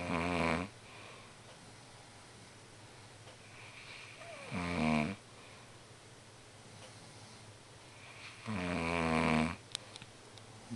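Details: Adult man snoring in sleep: loud, vibrating snores about four seconds apart, roughly 14 a minute, over steady room noise.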